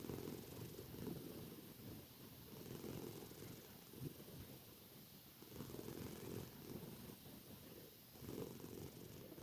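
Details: Soft, rumbling breathing sounds rising and falling with each breath, close to a purr, from a sleeping tortoiseshell cat; ordinary, quite loud cat snoring.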